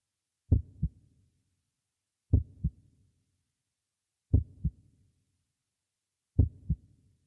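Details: Heartbeat sound effect: slow, steady double-thump heartbeat, four beats at about 30 per minute, in silence.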